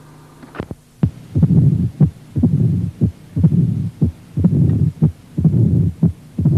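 Regular heartbeat at about 59 a minute, with a low rumbling murmur filling the pause after each sharp beat: the mid-diastolic murmur of mitral stenosis.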